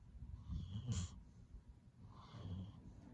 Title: Luggy’s relaxing and cute snore 🐶